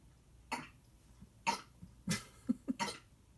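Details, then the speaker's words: Male pet cat that has not eaten, retching up nothing, which the owner attributes to hunger and stomach acid; he always does it twice: about five quiet, harsh, spasmodic gagging heaves in a quiet room. "and that's my cat vomiting. If you're hearing that sound. Oh, there's going to be another one in a second. He always does it twice."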